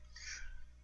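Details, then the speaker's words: Adult with sudden hiccups during speech, who rarely gets them since bariatric surgery 10 years ago: hiccups. "Excuse me, sorry guys, I got the hiccups. Don't know why, but anyway, guys, I did want to come on here and give you guys that update."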